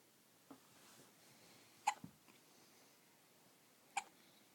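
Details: Hiccups in a 2-week-old baby: soft, sharp little catches repeating about every two seconds in a quiet room, lasting a long time.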